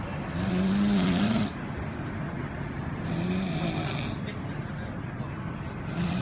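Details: Person snoring at a port: low snoring sounds over heavy, steady background noise.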